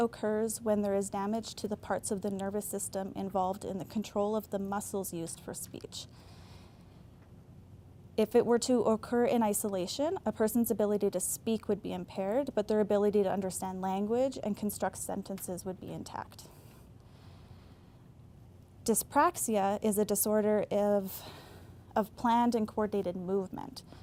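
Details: Adult female speaker; normal speech.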